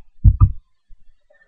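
A single deep lub-dub: two soft low thumps close together, then quiet. One heartbeat.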